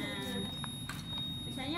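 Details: A steady, high-pitched syringe pump (perfusor) alarm under conversation during a training demonstration; the pump was set near 1.1 for a 60 kg patient, and the alarm is linked to line occlusion or the patient's movement pulling the line.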